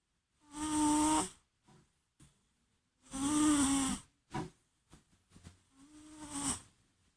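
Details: Pet cat sleeping sweetly and snoring: loud, tonal, whistling snores about every three seconds with soft snuffles between them.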